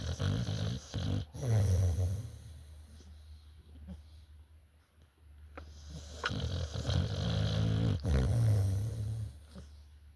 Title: Blue snoring 😴